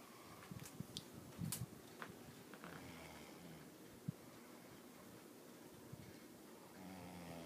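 Low, rough rumbling breaths of a sleeping adult, with a brief louder snort, consistent with snoring.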